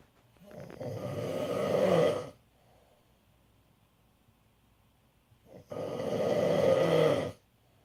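Two loud, rattling inspiratory snores separated by a quiet pause; typical snoring.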